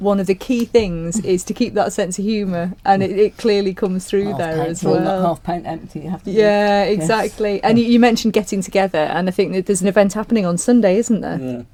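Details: Adult female speaker; normal speech.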